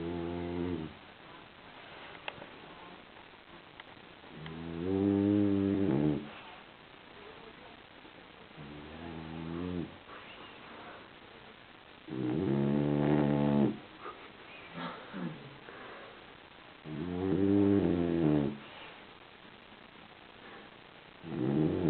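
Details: French Bulldog snoring while sleeping, exhausted: rhythmic buzzing snores about every four seconds, roughly 14 breaths a minute, with quieter breathing between.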